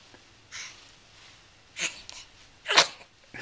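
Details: A young boy in bed just after sleeping, in a warm room, recorded on a Flip Video camcorder: a soft puff, then two sharp hissing sneezes in quick succession; sneezing.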